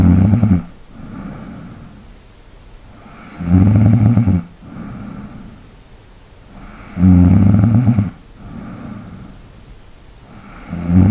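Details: ASMR snoring recording for relaxation and sleep, with light breathing: loud, low rattling snores on each in-breath, about 17 a minute, with quieter breathing out between them; snoring.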